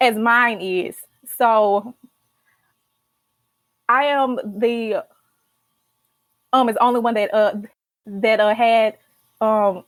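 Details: Adult female college senior who stutters and started speech therapy in college; stuttering.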